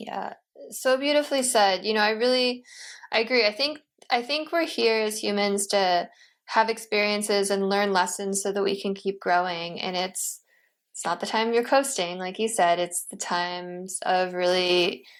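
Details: Adult woman speaking; normal speech.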